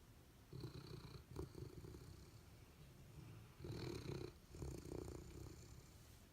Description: Abundant Joy (Golden Retriever) and Honey (Labrador Retriever) both snore and dream.